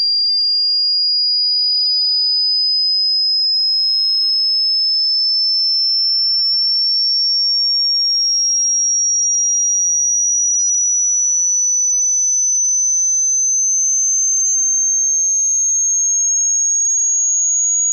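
A single steady pure tone slowly rising in pitch, a frequency sweep used for hearing testing.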